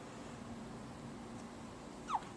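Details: 4-day-old baby boy with hiccups: cute hiccup sounds, also hiccupped in the womb.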